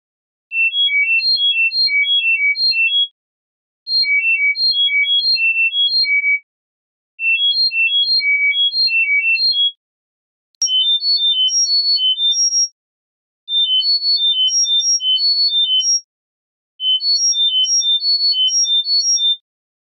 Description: Examples of acoustic CR neuromodulation tone sequences from 1000 - 10,000 Hz at 1000 Hz intervals for 10 seconds each.